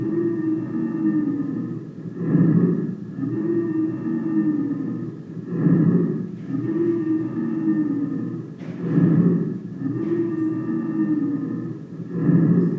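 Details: Simulated lung sounds in a nursing auscultation lesson, with continuous high, musical whistling tones through the breath cycles at about 18 breaths a minute: wheezes (sibilancias).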